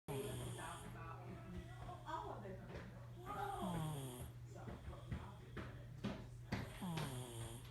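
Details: Sick and snoring: rough, fluttering, irregular snores about 19 per minute over a steady low hum and faint background music.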